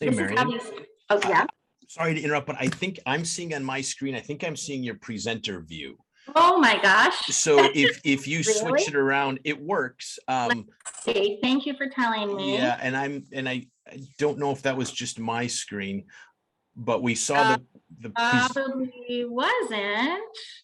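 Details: Adults in conversation, likely two speakers; typical speech.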